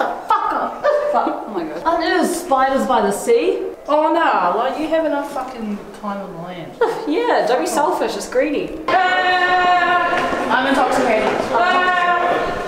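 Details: Vocal tics in a person with Tourette syndrome, heard in public at a museum; sudden swearing and interjections.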